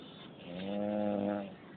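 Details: Person who fell asleep accidentally while listening to music, snoring: a single voiced, buzzing snore on an in-breath lasting about a second, in a quiet room.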